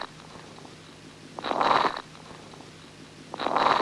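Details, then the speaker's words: Fine, high-pitched late inspiratory crackles over soft vesicular breath sounds, with no bronchial breathing, attributed to pulmonary fibrosis rather than interstitial fluid; the late inspiratory timing is hard to pick out because the breath sounds are so soft. "if they are late inspiratory what is the mechanism are they due to fibrosis or are they due to fluid in the interstitial let's hear them again"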